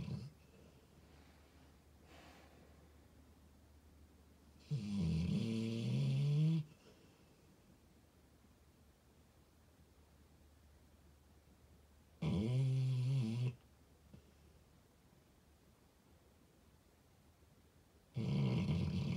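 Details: Debo, a 4-year-old American Staffordshire Terrier/Pitbull, asleep on his blanket: loud, low, rumbling snores on each breath, three in about 19 seconds with quiet pauses between; dog snoring.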